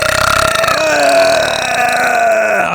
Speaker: That was a burp I was waiting for.